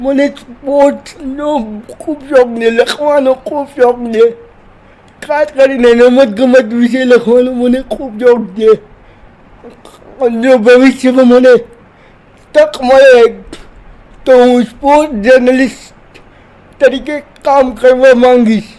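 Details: Dysarthric speech in a 30-year-old man with cerebral palsy who says he is 80% disabled and cannot move like a normal person; speaking Gujarati.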